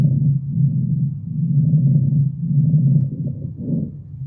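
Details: Normal bowel sounds on abdominal auscultation: low rumbling, gurgling sounds continuing throughout, rising and falling in loudness.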